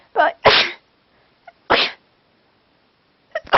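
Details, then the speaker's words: Person with a cold who keeps sneezing while trying to talk: several sharp sneezes in quick succession with short gaps, then brief bursts at the end; repeated sneezing. "I've got a cold cold so I'm seing oh this God all the time this is crap Al it's hard to stop for it makes me sneeze more makes me sneeze more"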